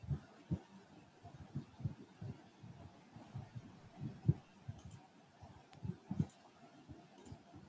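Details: Normal heart sounds from a heartbeat recording replayed through a loudspeaker during an online biology class on the circulatory system: faint, muffled low lub-dub thumps.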